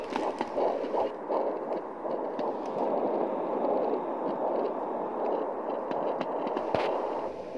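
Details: Home fetal Doppler at 11 weeks pregnant, probe above the pubic bone: rhythmic whooshing pulses of the fetal heartbeat early in pregnancy.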